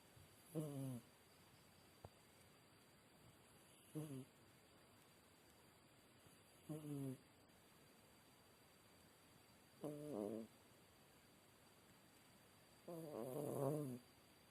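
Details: Sleeping cat snoring softly and rhythmically, five snores at roughly 20 breaths a minute, with a faint steady room hum behind.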